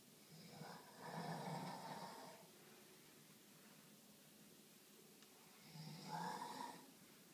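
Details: Male sleeper snoring: two rasping snores about five seconds apart, roughly 12 breaths a minute, with quiet breathing between; snoring.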